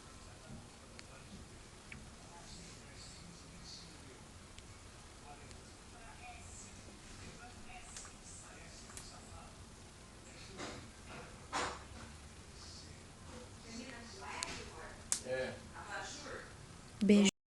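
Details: A cockatiel grinding its beak (bruxism), a normal contented behavior: faint, soft scraping clicks over quiet room noise.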